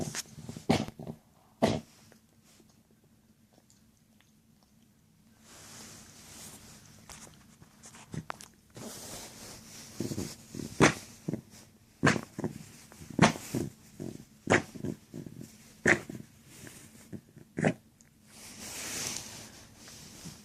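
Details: Dog that is not feeling well gives a run of short, wet, gurgling coughs with quiet pauses in a small room; gurgling cough.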